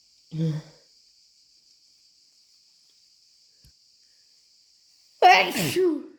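A short sharp sound, then after a pause one loud, wet, explosive sneeze; a steady high whine in the background.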